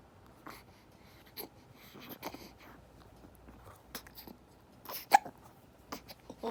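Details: Infant hiccups after feeding: soft, brief catching sounds recur every second or so in a quiet room.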